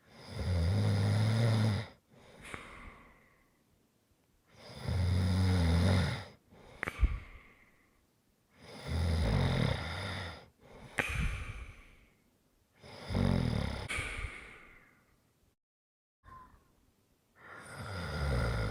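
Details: Deep, rumbling inhaled snores alternating with softer exhalations, about 14 breaths a minute; ordinary snoring during sleep.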